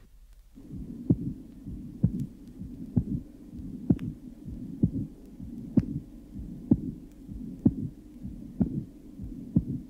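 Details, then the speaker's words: Low-pitched, rather late diastolic murmur of severe isolated pulmonary regurgitation mimicking a mid-diastolic murmur, only A2 audible, soft short systolic murmur, beats near 64/min; 34-year-old woman with congenital absence of pulmonary valve cusps, pulmonary area. "this low pitched murmur of severe isolated organic pulmonary incompetence characteristically occurs rather late and may simulate a mid-diastolic murmur arising at an atrio ventricular valve"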